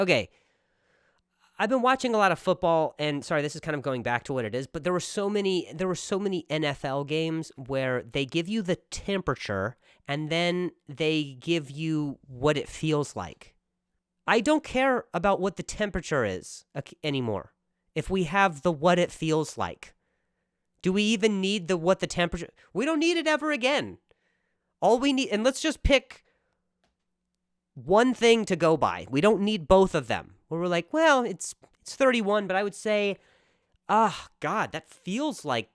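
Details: Male comedian's real stuttering while speaking on his own podcast; stuttering.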